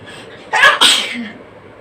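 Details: Human sneeze in a nose-sneezing challenge video: a quick intake, then a single sharp explosive burst of air through the nose and mouth.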